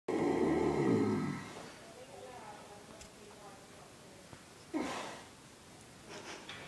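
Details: Horse that snores daily, here louder than usual: a loud, deep, rattling snore fading into quieter breathing, then a shorter snort-like breath.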